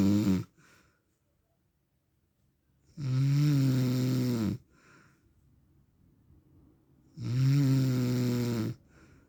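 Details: Real recording of an adult man (husband/dad) snoring in sleep: loud, low, rattling snores on each in-breath, about 14 a minute, with quiet out-breaths between; heavy sleep snoring.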